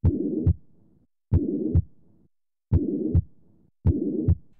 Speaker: also listen for murmurs which are blowing swishing sounds that result from turbulent blood flow in the heart or great vessels a mid systolic murmur sounds like this